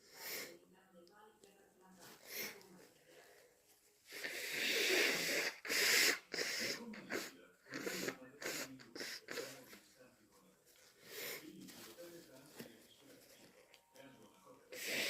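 Loud, harsh bursts of air, some explosive and some drawn out, with snorting nasal sounds between them, fitting deliberately induced sneezes and nose blows.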